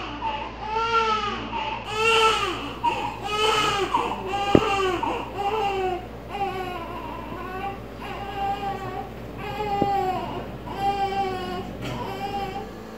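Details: Newborn just delivered by caesarean section under general anesthesia: repeated high, strong wailing cries with short breaths between them and soft talk behind; a vigorous normal newborn cry.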